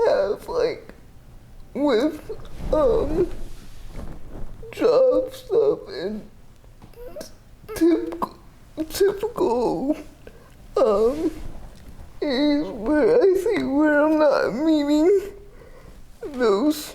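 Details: 30-year-old woman with GMFCS Level 4 cerebral palsy, quadriplegia with an athetoid component affecting arms, legs and trunk, uses a power wheelchair, repeated eye and hip surgeries; dysarthria (cerebral palsy).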